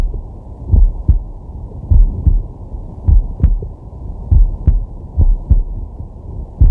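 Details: Man's heart sounds from a digital stethoscope on his chest while resting: steady two-part lub-dub heartbeat, about 52 a minute, regular rhythm, over a low hum; normal heart sounds.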